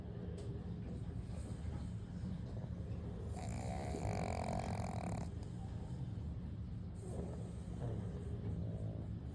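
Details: A pug snoring: a steady low rumble of breathing with a louder, rattling snore in the middle and a softer one near the end.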